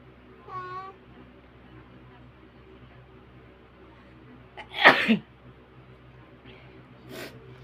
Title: Inducing sneezes again.